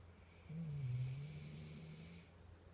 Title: Snoring husky...